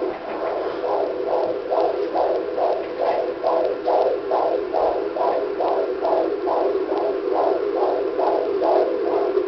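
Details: Fetal heartbeat on handheld Doppler at a prenatal appointment, fundal height 34 cm, male baby: rapid, even whooshing at about 140 beats a minute, a normal fetal rate.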